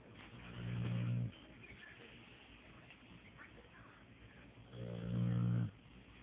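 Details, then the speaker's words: Pit bull dog snoring while asleep: low rumbling snores on two breaths about four seconds apart, roughly 15 breaths per minute. "Sadie, quit snoring. Sadie girl, wake up. Why you snore so loud?"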